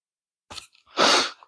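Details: A short breathy intake, then one loud explosive sneeze from an adult who is sick over Christmas week with a cold; sneeze.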